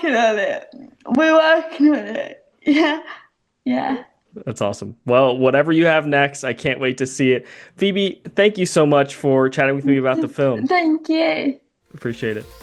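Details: Two speakers in a conversation; ordinary conversational speech.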